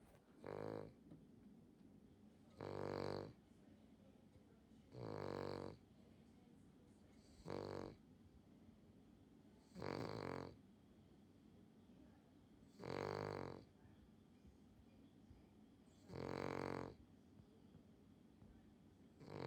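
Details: Dog snoring loudly in sleep: loud, regular rattling snores, about 24 a minute, with quiet pauses between them.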